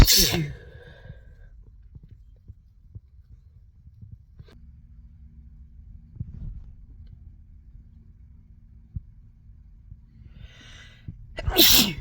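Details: A sneeze, a quiet stretch with low background hum, then a sharp in-breath and a second loud sneeze; from a spring sneeze compilation.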